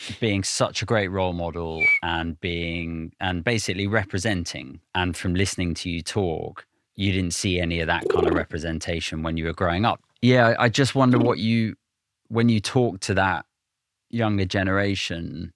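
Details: Adult male speaker; Normal conversational speech.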